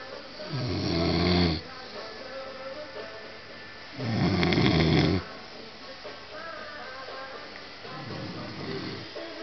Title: me snoring